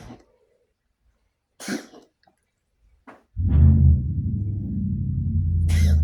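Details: A cat filmed by its owner to show the vet gives two short, dry cough bursts, then loud music plays; the owner suspects asthma: cat cough.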